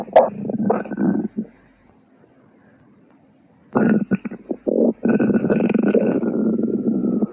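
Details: Stomach growling (borborygmi), heard for a second time.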